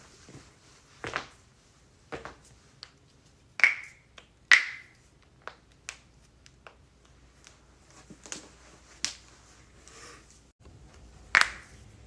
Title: joint cracking compilation